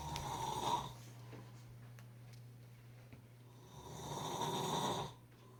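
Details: Two loud, rough snoring breaths a few seconds apart with a quieter pause between them; ordinary snoring.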